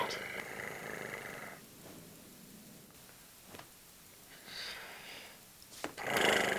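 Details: Staged comedy-sketch snoring by an actor playing a loud sleeper: several rough, rattling breath noises of varying loudness and pitch between quiet pauses in a small room.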